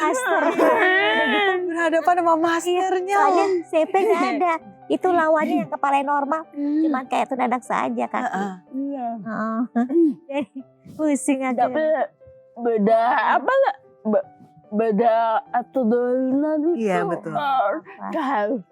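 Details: Young woman with cerebral palsy from birth; could not speak at first, improved after therapy including shouting at the sea; dysarthria.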